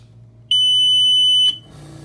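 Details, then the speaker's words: Invacare Perfecto2 oxygen concentrator switched on: a single steady high beep lasting about a second over quiet room hum, while all three lights flash; this is the normal power-on beep. "to turn on we will push up here just know it will beep first split second and all three lights will flash that is normal"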